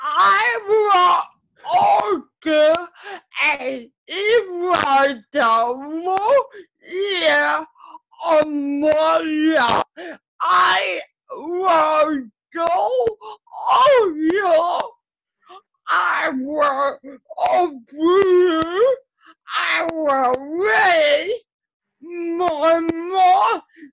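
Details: Adult woman with cerebral palsy who is described as talking a little differently; spastic dysarthria.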